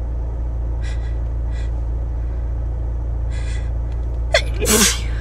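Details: Quiet sniffs and breaths over a steady low engine hum, then one sharp, forceful sneeze near the end; sneezing with hay fever.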